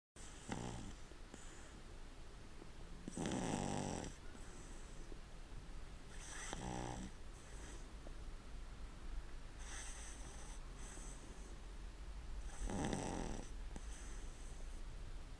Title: snoring pugger